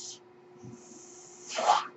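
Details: The speaker's own mechanical ventilator, noted during a recorded podcast: steady low hum under airy hissing airflow that swells into a louder breathy rush near the end.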